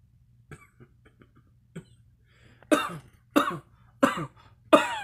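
A run of four loud, harsh coughs after a few soft throat sounds, forming a brief coughing fit.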